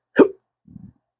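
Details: Man with chronic hiccups, speaking about losing his acting and surgical tech careers: a single abrupt hiccup followed by a soft, brief rough sound.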